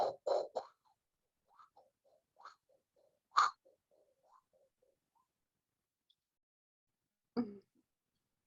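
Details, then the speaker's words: Vocal imitation of a scratchy three-component pericardial friction rub (atrial contraction, ventricular contraction, ventricular relaxation) in a patient with pain worse lying down and on inspiration, better sitting up; acute pericarditis. "hears a three component pericardial friction rub of atrial contraction ventricular contraction ventricular relaxation and he diagnoses acute pericarditis"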